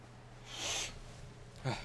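A brief wet sniff followed by a short nasal snort, typical of sniffling with a congested nose.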